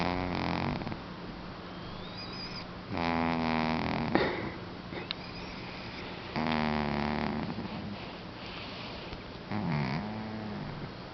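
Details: Male cat asleep: slow, repeated buzzing breath sounds with a fluttering, whistly edge, about every three seconds; cat snoring.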